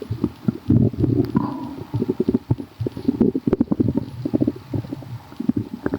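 Loud, frequent gurgling and bubbling stomach rumbles, ordinary borborygmi from gas and fluid moving through the gut.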